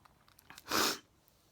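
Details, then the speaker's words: Adult with frequent sneezing fits, who also mentions jaw spasms, starting at bedtime: a few small catching breaths, then one short, sharp sneeze burst. "oh my God I think I'm going to with the neighbors now sneezing so hard yeah it's something I have to live with every day"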